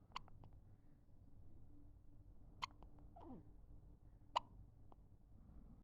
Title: Baby hiccups , one week baby